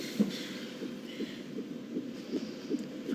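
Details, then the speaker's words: Fictional TV drama scene: rapid whooshing fetal heartbeat near 150 a minute on Doppler, played to reassure a pregnant woman who has not felt the baby move for a day and a half. "have a listen down here, that's baby's heartbeat. So, we know he's alive. Or she."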